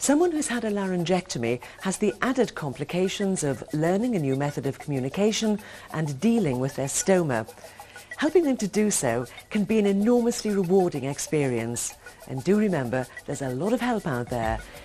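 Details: Adult narrator; typical speech.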